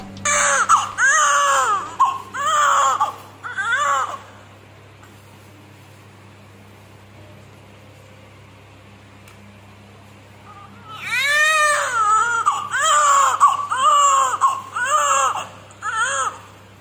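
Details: Baby boy right after caesarean birth at 39 weeks, during umbilical cord clamping and cutting: bursts of rising-and-falling crying, about one a second, with a quiet pause between two bouts; a vigorous first cry.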